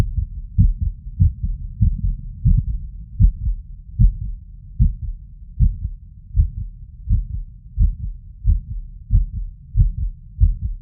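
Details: Heart auscultation with a stethoscope diaphragm over the tricuspid area after exertion: about 90 beats a minute with an irregular rhythm, an arrhythmia.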